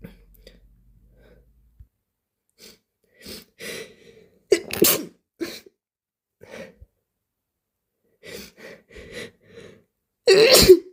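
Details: Super wet, slimy sneezes that sprayed mucus onto the arm and phone: several forceful sneezes with gasping in-breaths, moaning and heavy breathing between them; repeated sneezing.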